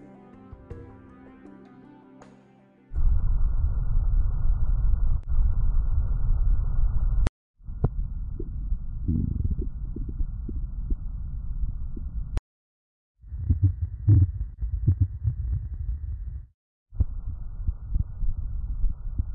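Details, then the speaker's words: Simulated bowel sounds from the HAL patient simulator, played from the four quadrants of the lower torso, each adjustable in level. Low rumbling with intermittent gurgles in four separate stretches after brief music. "Hal has multiple bowel sounds on the 4 quadrants of his lower torso."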